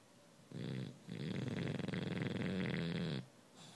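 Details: A sleeping bulldog snoring: low, fluttering, rattling breath sounds, a short one and then a longer one lasting about two seconds.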